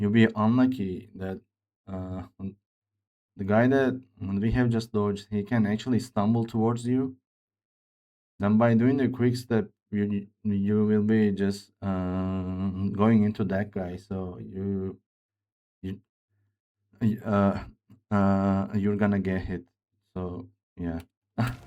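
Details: Male speaker with a self-reported speech disorder, type not named, which he says sounds like Grace's but much worse; disfluent speech with repeated words, fillers and broken phrasing.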